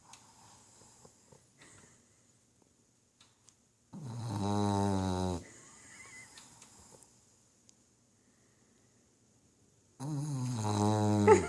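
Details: Pet named Winston asleep, snoring with tongue out: two loud, drawn-out rattling snores separated by quieter breathing with soft nasal whistling; ordinary snoring.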